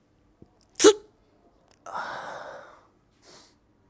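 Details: Adult performing imitation sneezes: one sharp explosive burst, then a longer hissing exhale and a brief soft puff.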